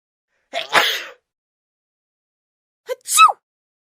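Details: Sound effect of two sneezes from an adult, each a sharp in-breath followed by a forceful burst of air.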